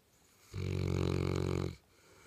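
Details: Female St. Bernard dog snoring while sleeping on a couch: one deep, low, rattling snore lasting just over a second.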